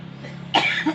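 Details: Cough.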